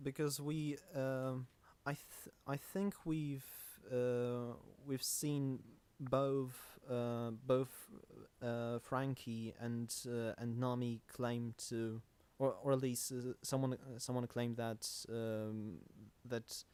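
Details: Male podcast host who describes himself as a stammerer. Stuttering.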